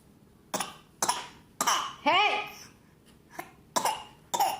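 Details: Child named in video gives about six short, sharp forced coughs with a brief voiced squeal, adult calls it fake; voluntary (fake) cough.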